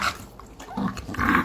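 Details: Bulldog with heatstroke: harsh, rough, snorting breaths in short noisy surges, labored noisy breathing, recorded at a veterinary visit.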